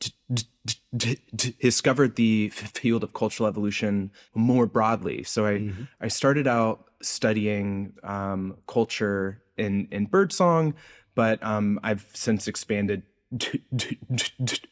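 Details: Adult man's real, self-reported speech impediment, present throughout the interview; this clip has word repetitions; speech disfluency.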